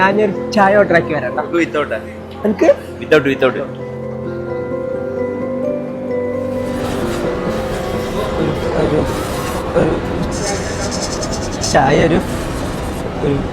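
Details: Acted stuttering portrayed in a Malayalam skit, with repeated word sounds.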